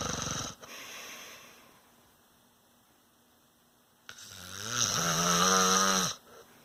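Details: Adult man (a father) snoring in sleep: a fluttering snore, then a pause and a loud, rising, buzzing snore on the in-breath.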